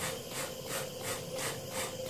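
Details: Child with cystic fibrosis using MetaNeb airway clearance device in continuous high-frequency oscillation (CHFO) mode, alternating with CPEP, cheeks kept stiff, watching for chest wiggle: rhythmic hissing rasping air pulses about three per second; chest wall high-frequency oscillation.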